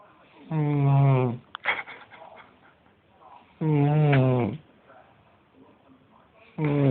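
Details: Adult woman asleep in bed, snoring louder than usual: loud, buzzing, voiced snores about every three seconds with quiet breathing between; snoring in sleep.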